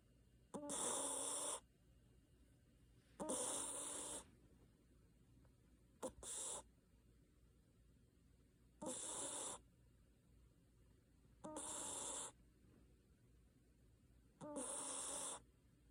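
Loud, harsh, rasping breathing sounds about every 2.5 to 3 seconds, separated by quiet gaps, typical of snoring.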